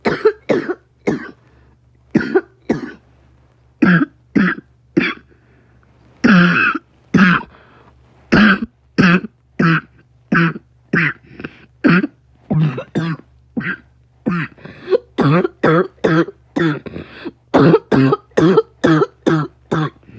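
Repeated short, harsh coughs in clusters, about 35 bursts over twenty seconds, some with throat clearing; a persistent coughing fit.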